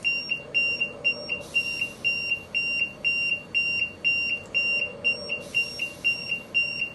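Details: Repeated high-pitched electronic beeping, about two per second, with overlapping alarm tones: an LTV 1200 ventilator alarm sounding with two alarms active.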